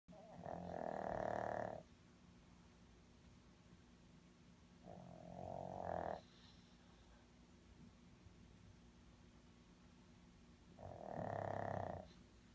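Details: Snoring while asleep in a car: three rough, buzzing snores with quiet pauses of several seconds over low engine hum.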